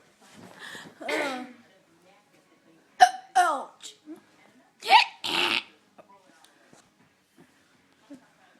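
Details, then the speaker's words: Person hiccuping repeatedly amid laughter: several abrupt, sharp vocal gulps with pauses between; hiccups. "Why are you hiccuping? That's a natural talent. That's kind of weird."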